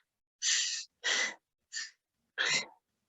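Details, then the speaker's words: Human imitation of laboured breathing in a dog or cat from a lecture: four harsh, noisy breaths with pauses, as when airway obstruction from a foreign body or large inflammation blocks oxygen intake. "entonces como si algo le estuviera tapando las vías respiratorias puede ser algún cuerpo extraño o puede ser a lo mejor algún proceso inflamatorio tan grande que no le permite la entrada adecuada de ese oxígeno entonces para respirar así como con dificultad así"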